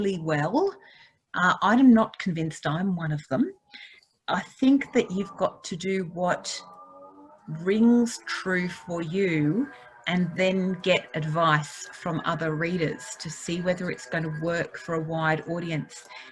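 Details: Adult woman speaking; ordinary speech.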